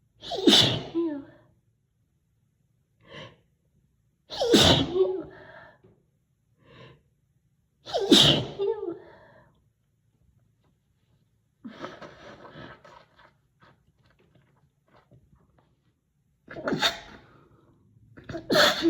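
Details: Loud, forceful sneezes, deliberately induced, each preceded by a sharp intake of breath, alongside several nose blows; sneezing.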